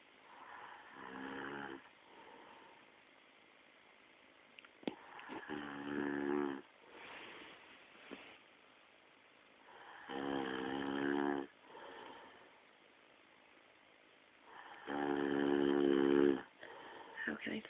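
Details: Very loud, buzzing snores from a sleeping father, coming every four to five seconds (about 13 a minute) with quieter breaths between them: snoring.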